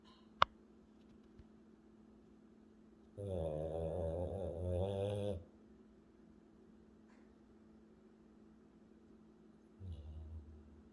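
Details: A sleeping Frenchy (French bulldog) snoring: one long, loud, fluttering snore on a breath in, then a softer snort, in a quiet room.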